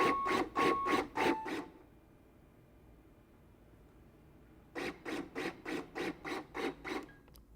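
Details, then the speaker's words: LUCAS portable mechanical chest compression device in demonstration, active 30:2 mode: rhythmic mechanical thumps, 30 compressions then a three-second pause for two ventilations with LED and audio alert, compressions restarting at about 100 a minute. "active 30 to 2 does 30 compressions then pauses three seconds so you can give two ventilations again there's an led to prompt you and also an audio signal that alerts you just before each pause"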